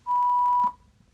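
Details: Steady high beep lasting well under a second from a ZOLL AED Plus Trainer 2 after "shock advised, press flashing shock" prompt in an instructor-run practice scenario with pads on patient's bare chest; simulated AED shock tone.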